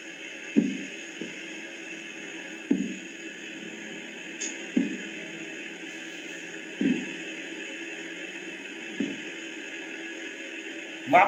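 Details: Korotkoff sounds heard through a stethoscope during auscultatory blood pressure measurement: soft, regular tapping thumps.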